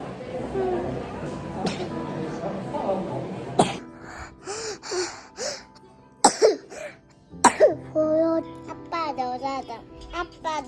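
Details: Several short, sharp coughs from a hospitalized 4-year-old child with bronchitis and pneumonia, recorded in winter, heard over background music and room noise.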